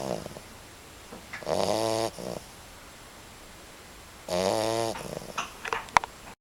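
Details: Puppy snoring: two loud, buzzing snores with a vibrating, rattling quality a few seconds apart, followed by small snuffles.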